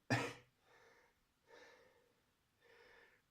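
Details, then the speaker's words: An adult with a cold caught indoors, wheezing and sniffing, gives one sharp, forceful cough followed by three quieter, noisy breaths in a small room. "as you can hear I'm bit wheezing and sniffing and that's because I caught a cold and not because I was outside"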